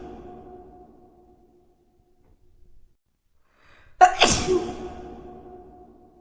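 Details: One loud explosive sneeze after a brief indrawn breath, with a faint musical tone in the background.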